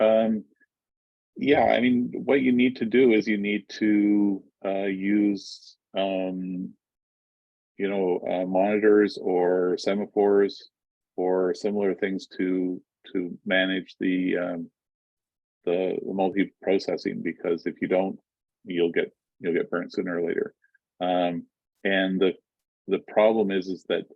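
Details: Adult male speaker; Normal conversational speech.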